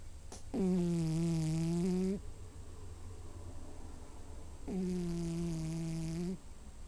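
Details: Cat snoring, which owners say wakes them at night: two long, steady, tonal snores, each under two seconds, with quiet breathing between, before she is woken.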